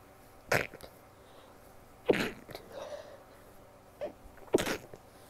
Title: rapid stifles muffled (f)